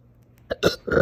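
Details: Slow but super aggressive, painful hiccup burps after breakfast: a sharp hiccup followed by two forceful, voiced burps in quick succession. Hiccups with burping.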